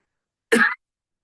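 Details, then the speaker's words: One short, harsh, extremely dry, barking croup-like cough from an adult, the speaker's own cough during COVID in 2020, presented as a typical spongia-type dry croupy cough. "uh spongia extremely dry uh our top remedy for croo um and um I'm gonna pray play you a spongia cough"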